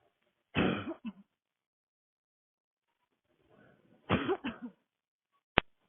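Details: Young woman, sick, walking in the street in cold air with a tight throat and burning chest, in a public coughing fit: two harsh dry barking bursts of two or three coughs each, then one sharp cough.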